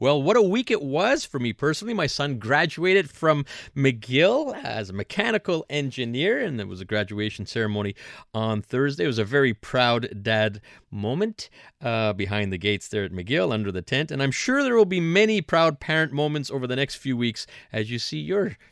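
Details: Adult man speaking; typical speech.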